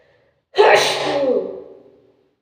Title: strong sneezing